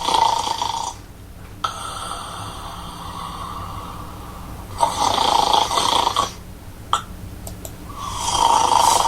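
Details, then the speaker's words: Loud, harsh snoring with quiet pauses ending in a brief choking snort, as breathing is blocked, played as an example of obstructive sleep apnea in heavy snorers. "코골이가 아주 심한 분들은 이런 것을 앓을 수 있습니다. 여러분들 지금 이게 지금 소위 말하는 코골이하고 심해지면 이 소리 끝에 보면 컥 하면서 숨이 막히는 것을 들을 수 있습니다."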